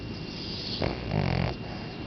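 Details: Sleeping Boston Terrier: a single short, low, snorting snore over steady background noise.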